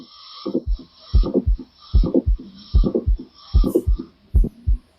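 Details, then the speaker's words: Systolic ejection click just after the first heart sound, regular rhythm about 75/min; clicks arise from aortic or pulmonary valve problems, e.g. bicuspid aortic valve or pulmonary stenosis; ejection click. "So clicks are heard due to problem in the iotic and pulmonary wall and these are systolic."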